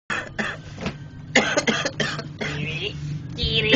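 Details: An adult acts out a run of repeated, harsh coughs in quick succession: simulated cough.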